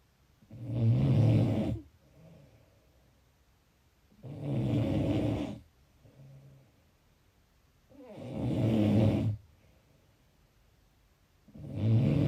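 Loud rattling snores on each inward breath, about 16 a minute, with soft breathing out between them.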